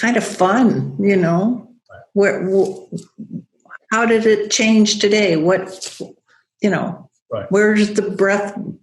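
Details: Adult woman with aphasia after a stroke, still losing words she knows but cannot connect to, recovering while rehabilitating; aphasia.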